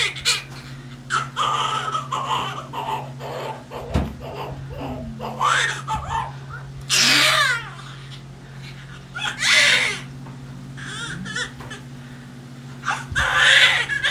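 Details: Newborn crying just after a hard, painful vaginal delivery with coached pushing: short, high-pitched cries in bursts over steady room hum and background voices.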